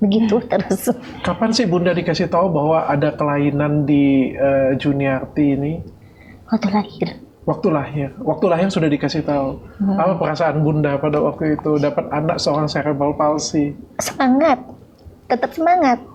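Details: Adults in conversation; typical speech.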